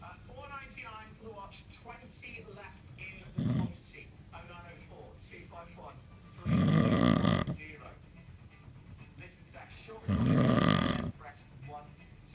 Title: SNORING,after 8 pints stella,sounds like farm animal